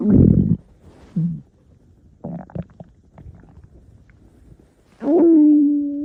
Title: Stomach Growling